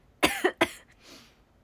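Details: Two quick, dry coughs then a soft breath out from a young woman with asthma, no cold, fever or runny nose; asthma cough.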